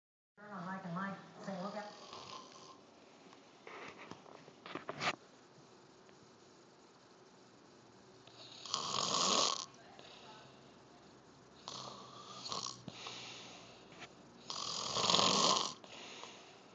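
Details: Snoring that ends with a slap: noisy snoring breaths recur a few times, with talk-like sounds at the start and a sharp slap-like sound partway through; snoring.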